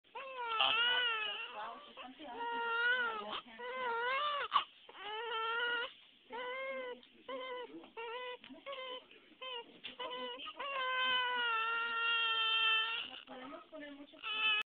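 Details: Repeated loud, high-pitched wailing cries with brief breaths between them from a newborn baby 12 hours old; ordinary newborn crying.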